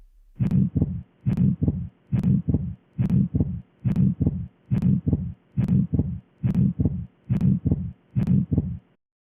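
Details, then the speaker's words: Ejection systolic murmur with split S2, a classic finding in atrial septal defect. Regular heartbeat about 70 a minute with a soft systolic whoosh and a doubled second sound. "La bonne réponse est un souffle systolique d'éjection avec division du bruit cardiaque S2 . est un résultat classique dans la communication interauriculaire."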